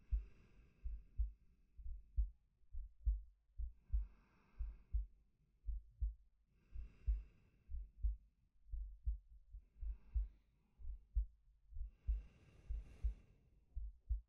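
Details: Soft steady heartbeat, about 60 a minute, under slow quiet breaths every three seconds from a male, ASMR sleep-aid recording; normal resting heartbeat with breathing.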